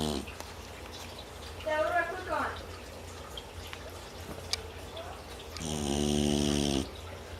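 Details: Snoring from Luna, a rescue dog, asleep: two loud, rough, buzzing snores with quiet breathing between them over steady room noise.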